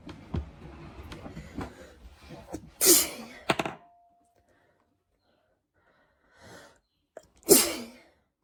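Two sharp sneezes several seconds apart with quiet breathing around them; frequent sneezing during a cold.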